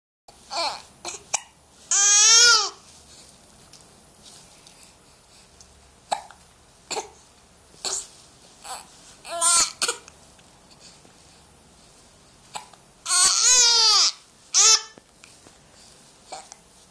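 Repeated short, abrupt catches, about ten in under twenty seconds, with a few longer voiced squeals between; hiccups.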